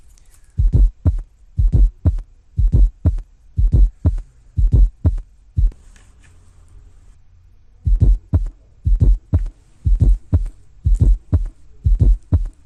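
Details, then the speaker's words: Fourth heart sound (S4 gallop) heard just before the first heart sound, played first in slow motion and then at real-time speed. "so let's have a listen and see if you can distinguish that fourth heart sound just before the first one work we'll start this one in slow motion and then speed it up to real time"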